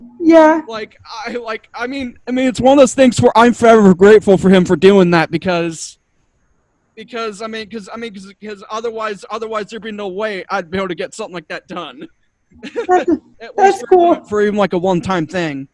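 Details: Stuttering in an adult man who attributes it to another of his two diagnoses; he says he stutters a lot, especially when struggling with what to say.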